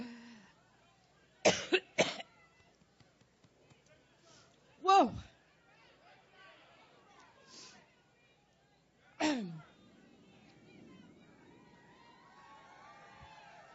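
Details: Several sharp coughs, some paired, with faint crowd noise behind, from a woman during a Labor Day rally speech in Cleveland; she jokes she gets allergic thinking about Trump.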